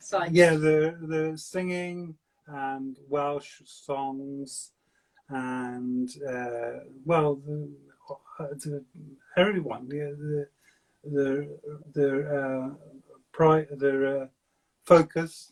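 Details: Man with aphasia for seven years since a stroke at age 50, speaking in fragmented, non-fluent speech; non-fluent aphasia.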